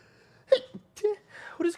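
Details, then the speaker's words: A streamer who says he keeps sneezing: three quick, forceful bursts, each a sharp intake then an explosive release, a run of sneezes in close succession. "I'm gonna keep sneezing too. Fuck."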